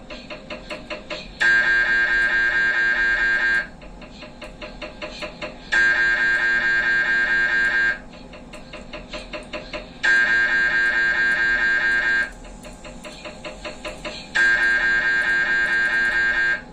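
Loud, regular electronic buzzing and knocking in blocks of about two seconds, alternating with quieter rapid tapping: typical MRI scanner noise during imaging.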